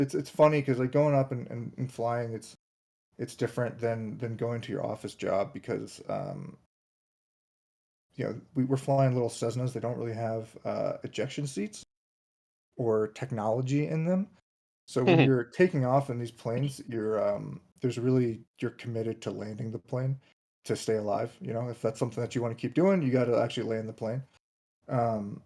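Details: Adult man who states he has a stutter, speaking as a podcast guest; finding: stuttering.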